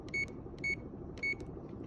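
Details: CADD Solis PCA pump being set up for a new patient (PCA dose changed to 0.5): three short, high electronic keypad beeps as settings are entered, over low room noise; normal device feedback.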